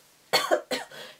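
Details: Two short, dry cough bursts close together from an adult woman, who says she lost her voice, in a quiet room.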